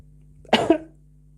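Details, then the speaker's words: An adult recovering from flu, with a lingering phlegmy cough as the remaining symptom, gives a single short cough in two quick bursts over a low room hum. "I apologize for my flu again. It's gone very down. The only problem I have right now is the coughing, uh, which is probably the one I hate the most."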